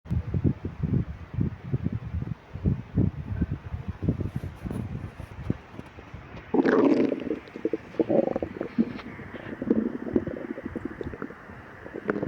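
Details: Person with severe lactose intolerance: irregular bubbling, gurgling rumbles and a louder drawn-out growl from the belly; hungry stomach growling, borborygmi.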